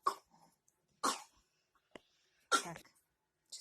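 A child gives three short, sharp coughs about a second apart, with a fourth just starting.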